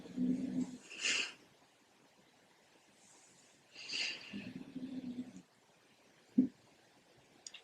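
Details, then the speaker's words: Dog on a yoga mat snoring in a quiet room: low fluttery rumbles alternating with breathy airy puffs over two breath cycles; ordinary snoring. "hope you can hear me over the snore of the dog on my mat, but we're just going to roll through the shoulders."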